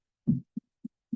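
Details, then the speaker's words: Soft, benign (innocent) heart murmur in a dog or cat, played in a veterinary cardiology talk: rapid, soft heart thumps with a very faint murmur. "oh if you can hear that that's a very soft heart murmur there benign heart murmur"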